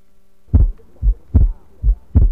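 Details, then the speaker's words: Simulated healthy patient in a virtual cardiac auscultation training simulation: crisp paired lub-dub sounds, regular rhythm, no murmur between beats. Normal heart sounds. "The patient here is healthy. Listen to all 4 sounds."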